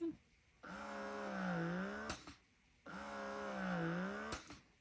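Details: Two slow cycles of rising and falling motor hum, each ending in a click, about 27 cycles a minute: a cordless hands-free electric breast pump running in expression mode with adjustable power levels 1–7.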